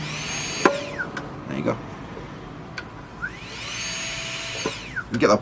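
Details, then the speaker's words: High motor whine rising and falling with clicks and room noise as a brushed Saeyang Marathon N7 dental laboratory micromotor with SH37LN handpiece is set to about 20,000 rpm and run up. "you set your speed so half about 20,000 rpm and as you slowly press down it will peak at the speed you've set there"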